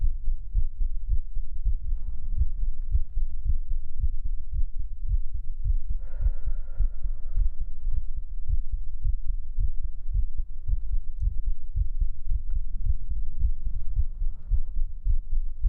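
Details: Pre-recorded heartbeat for an ASMR stream: steady, deep, muffled thumps under a low hum, with brief faint sounds over it; a normal heartbeat.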